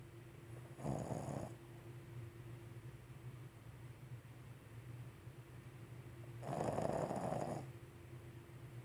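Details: Dog snoring on a Sunday: two loud, rough snores about six seconds apart over a steady low hum.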